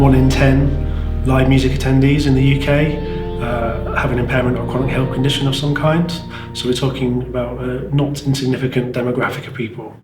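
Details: Adult man speaking; normal speech.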